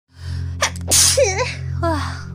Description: Sneezes Is A Kitty Sneezes Twice It Was Cute.